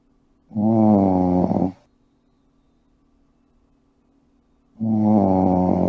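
Two long, deep, rumbling sounds a few seconds apart with quiet between them, typical of snoring.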